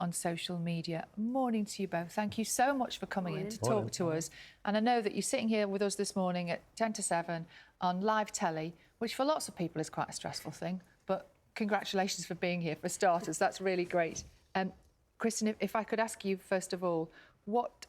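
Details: Adult presenter speaking; fluent speech.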